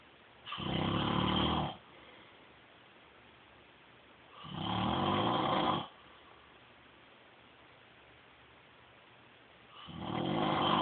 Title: Snoring hubby